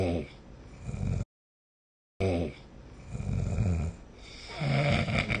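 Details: Ordinary sleep snoring recorded with the SnoreLab phone app: low, rough, rattling snores with a brief silent cut between them.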